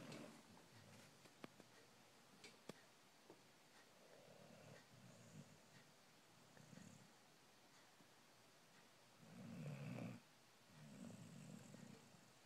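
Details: Sleeping female puppy snoring in a dark room, with soft, low rumbling snores repeating every few seconds against quiet room noise.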